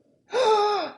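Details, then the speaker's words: Imitated stridor demonstrated by an adult in an EMT respiratory emergencies lecture: a single harsh, high-pitched, musical noise on inhalation, as air passes an inflamed, narrowed upper airway in viral croup. "as you can imagine air going down through here makes a weird noise that noise is called Strider and so it sounds like"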